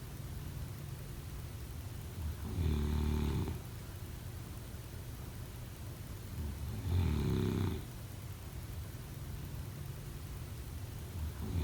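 Three slow, low rattling snores on in-breaths, about one every 4-5 seconds, over steady room hiss; ordinary snoring during sleep.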